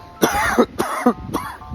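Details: Three short, dry coughs in quick succession from an adult with asthma around a run on day 41 of running, chest feeling clear, over faint steady background music.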